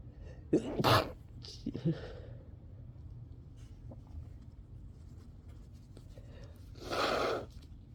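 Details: Person tired of repeated sneezing, partly stifling some: two or three sharp, explosive sneezes, a short pause, then one more sneeze burst, against quiet room noise.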